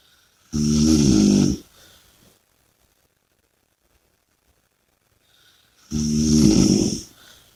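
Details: Two loud, rattling snores on breathing in, about five seconds apart, each followed by a soft breath out; heavy snoring.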